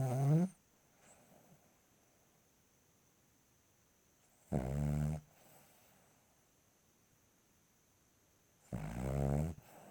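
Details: Loud rattling snores from a sleeping 2-year-old female Cavalier King Charles Spaniel at night, about one every four seconds, with quiet breathing between.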